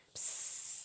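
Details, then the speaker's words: Portable rechargeable Direct Nexus mesh nebulizer switching on: soft, steady high-pitched hiss as it makes mist, very quiet; it is used for a child of four and a half years. "tekrardan çalıştırıyorum şöyle bastım şöyle bakın buharı çıkıyor ama hiç görüntüsü yok Çok az bir ses var"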